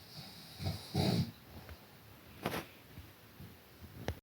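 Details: Low, rumbling snorts and a few short bursts from a resting white German shepherd; snoring.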